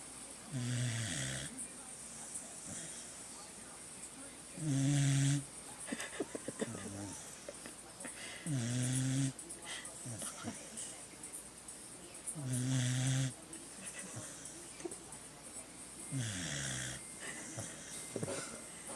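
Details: Sleeping Beagle snoring: rhythmic low snores, about four in nineteen seconds, with soft snuffling between.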